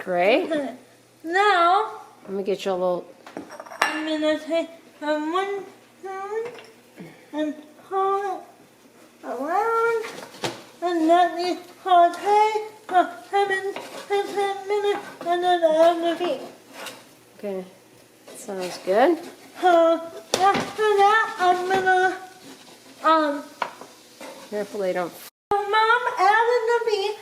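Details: Dysarthria in a speaker with cerebral palsy.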